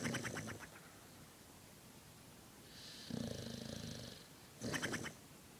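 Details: Overweight female dog, deeply asleep, snoring with cheeks flapping: rattling snores alternating with breathy exhalations in a quiet room.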